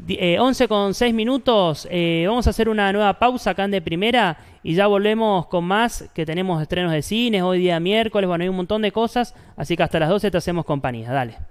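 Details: Adult radio host; fluent speech.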